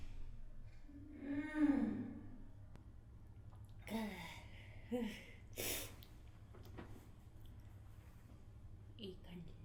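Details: Acted sneezes: a voiced build-up breath followed by short, sharp bursts of air.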